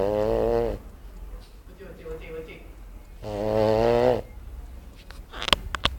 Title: Pug snoring.mp4